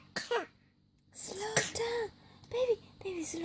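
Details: Teething baby boy, about day 193, breastfeeding at night: several short coughing, spluttering sounds with gulping in between, as if milk went down the wrong way, while the mother urges him to slow down; cough and choking during feeding.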